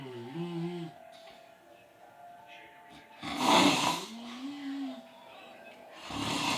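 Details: Loud, rough snoring with tonal, whistling and grunting sounds in slow, irregular breaths, roughly 20 a minute; snoring.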